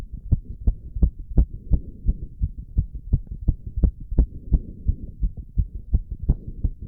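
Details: Very fast, regular heartbeat with strong thumps, about 170 beats a minute, in a male doing squats with heavy breathing; exercise-induced sinus tachycardia.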